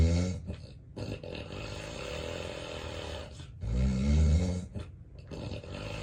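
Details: Real, unplanned daytime nap recorded in bed by the sleeper, who has sleep apnea: deep, rough, low-pitched snoring with heavy breathing and a brief quieter gap between loud efforts; snoring in obstructive sleep apnea.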